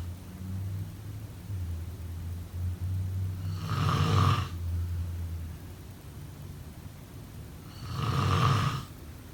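Two loud, rough snores about four seconds apart over a low steady hum; ordinary snoring during sleep.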